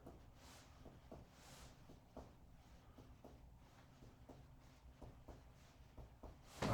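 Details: Series of soft, short, flat taps from finger percussion over the liver of a male patient lying supine during an abdominal assessment, giving a normal dull note.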